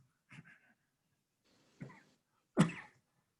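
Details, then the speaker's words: Adult doing a deep yoga breathing exercise gives three brief, soft, mild dry coughs, the last loudest, with faint breathing between them. "you can hear me coughing a little bit and that's what happens when i do this exercise sometimes as parts of my body are opening up that haven't been so open"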